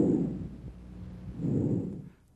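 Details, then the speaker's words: Bronchial breath sounds, normal over the manubrium, in a breath-sound review: harsh, hollow, louder and higher-pitched than vesicular, expiration longer than inspiration, silent gap between phases. "bronchial breath sounds are louder and higher in Pitch than bicular sounds the expiratory sound lasts longer than the inspiratory sound and a silent Gap separates these two sounds normally bronchial breath sounds are sometimes heard over the manubrium"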